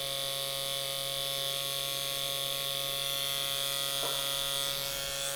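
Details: Steady high-pitched electric buzz: a motorized microneedling pen running continuously over a patient's face, treating expression lines with slight bleeding, then moving to the lateral face for acne scars.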